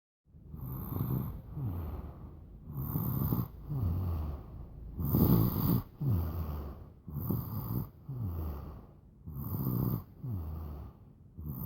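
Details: Soft, rhythmic rattling snores on both in- and out-breaths from a sleeping infant, roughly 15 breaths a minute: ordinary infant snoring.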